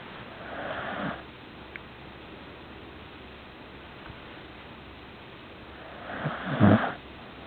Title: Snoring puppy